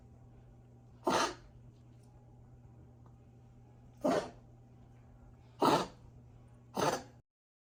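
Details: Dog with grade 4 (severe) tracheal collapse, tagged tracheomalacia and bronchitis, giving four harsh, dry cough bursts over a steady low room hum: tracheal collapse cough.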